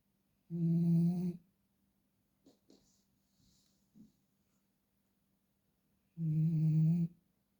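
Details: Two deep, buzzing snores about six seconds apart, with faint breath and mouth sounds between them in a quiet room: snoring.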